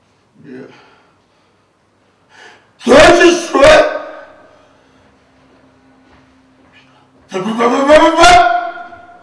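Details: Vocal tics of Tourette syndrome in a patient at a university hospital in Cologne around deep brain stimulation implantation, October/November 2011: sudden loud, harsh, burp- or animal-like vocal bursts separated by quiet.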